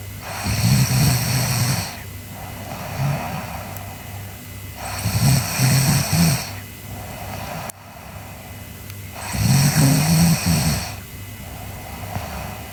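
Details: Sleeping girl snoring: three loud, rough snores on breaths in, about every four seconds, roughly 14 breaths a minute, with softer breaths out between.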